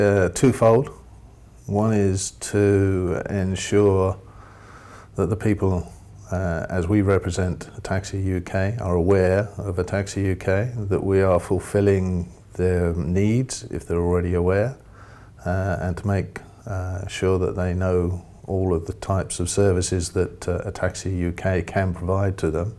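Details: Adult man; normal speech.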